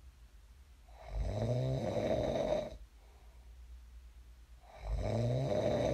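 Two long, loud, vibrating snores on inhalation separated by a quiet exhale; typical heavy snoring.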